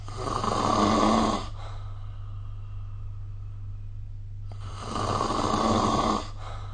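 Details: Snoring recorded with the SnoreLab smartphone app: two loud, rough snores on successive breaths in, separated by quiet breathing out, over a steady low hum.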